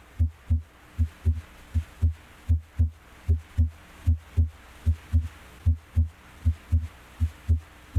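Regular paired lub-dub heartbeats at about 78 a minute, crisp and clear with no extra sounds between them: normal first and second heart sounds.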